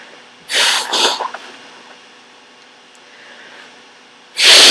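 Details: Sick adult with a cold and a nose tickling all day: a snorting double sniff, then a loud, wet, forceful sneeze, with a washing machine in the background.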